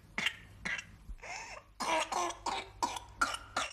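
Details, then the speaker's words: A rapid series of about eight short harsh coughs with a brief drawn-in breath between them: paroxysmal coughing of whooping cough (pertussis), a disease that puts children under six at risk. "whooping cough is a disease that spreads easily and puts every child under six at risk"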